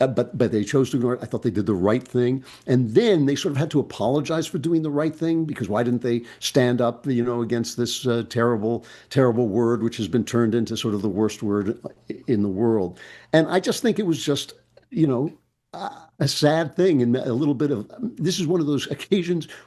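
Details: Adult man speaking; normal conversational speech.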